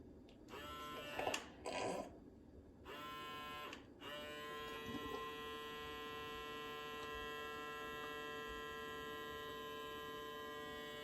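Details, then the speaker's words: Navage powered nasal saline irrigation used on self, allergies bad: steady electric motor hum with bursts of bubbling and sucking as the device flushes and suctions the nose. "you gotta get it in there just right and you're gonna sound like this that's okay all right here we go"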